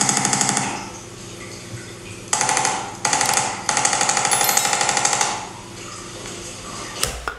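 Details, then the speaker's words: Rapid mechanical tapping bursts from a handheld percussive adjusting instrument (activator-type gadget) stimulating a spinal joint during a chiropractic session, imitating a vertebral manipulation; a cracking sound is noted. "cool il a fait un bruit de craquement"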